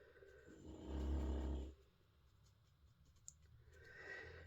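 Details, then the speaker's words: Low, rumbling snoring from a sleeping dog over quiet room noise, fading out; ordinary canine snoring. "That is not me, you can hear snoring. It is not Andy, he's out shopping. Today we have our Princess Lexi up here."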